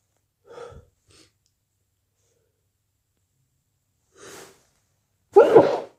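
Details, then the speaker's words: Short intake breaths building to a forceful sneeze, with a softer burst earlier, from a person sneezing with a cold. "Bless me. And sneeze. And I need to sneeze. Oh, bless me. I need to sneeze."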